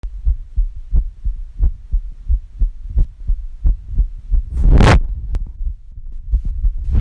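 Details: Heartbeat recorded on a phone app from the chest of a woman whose boyfriend says her heart doesn't always sound normal when he lies on it. About 88 beats a minute, fairly regular, with a brief rustling noise midway.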